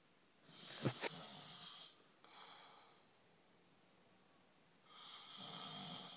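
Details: Two rough, hissing snores during sleep with a pause between, a snort-like click at the start of the first; snoring recorded in a hotel.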